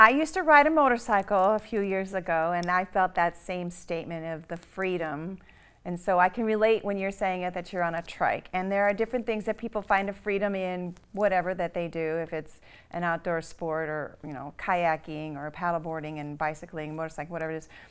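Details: Adult woman speaking; Normal speech.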